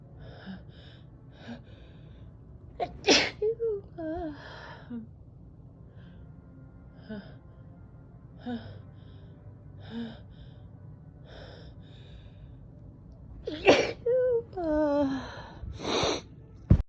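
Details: A woman deliberately trying to make her sneeze sound girlier takes several catching breaths before each of about three sharp, high-pitched sneezes.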